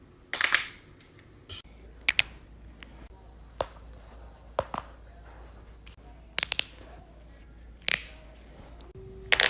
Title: loud neck/knuckles crack compilation